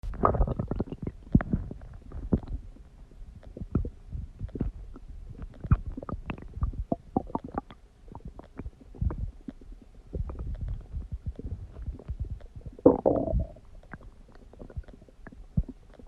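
Irregular low gurgles and rumbling bursts from the belly: ordinary stomach growling.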